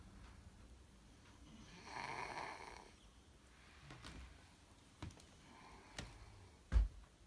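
One soft rasping snore on a breath in, then quiet breathing with a few faint snorts and knocks in a quiet room; snoring.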